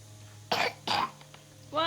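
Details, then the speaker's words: 3-year-old girl gives two short, forced, acted coughs, pretending to be sick to skip school after five days off; no longer really coughing. "how did you get sick i did it you didn't get sick it's just a cough"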